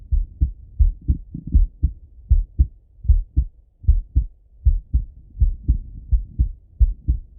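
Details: Male heart auscultated with a stethoscope, recorded either sitting at a desk or lying in bed: regular paired low thumps, lub-dub, about 78 beats a minute; normal heart sounds.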